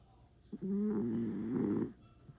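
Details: Pet dog Oreo snoring while asleep: a single drawn-out, buzzing, slightly whistling breath; snore.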